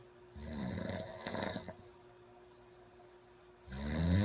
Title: 코골이 친구(꿀잼 실화) - 끝까지 들어야 완전 재미있음